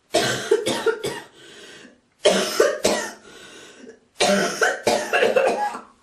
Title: girl coughing, Hocking and spiting❣️